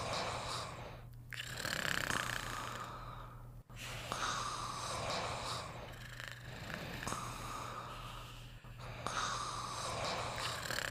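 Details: Two sleeping animals snoring together, continuous noisy snorting breaths rising and falling about 20 times a minute: snoring.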